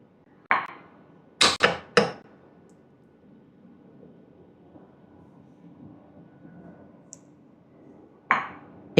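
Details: Heyer VT8000 ICU ventilator running its one-touch automated valve and flow-sensor self-calibration after switch-on, with sharp mechanical clicks and brief valve hisses in a quiet room.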